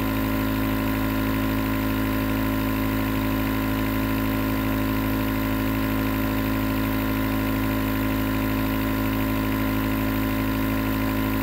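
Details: Nebulizer compressor recorded as 20 minutes of sleep white noise: steady, continuous mechanical hum with a low pulsing drone as the nebulizer runs.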